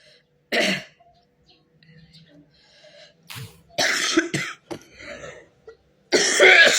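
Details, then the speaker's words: Adult woman with very high fever and flu, coughing painfully to the point of vomiting, and reports having leaked urine. Cough. "Dan flu juga. Batukku sakit sekali, sungguh, batuk itu menyakitkan ."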